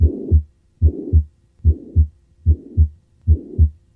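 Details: Regular heartbeat near 73 a minute with a soft blowing murmur filling the space between the two heart sounds: tricuspid regurgitation murmur.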